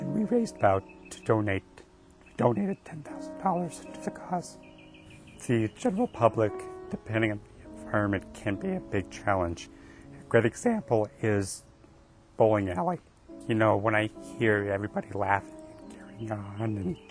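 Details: Man with a rare mixed adductor and abductor spasmodic dysphonia of gradual onset, treated with Botox injections into the throat and speech therapy. Finding: spasmodic dysphonia.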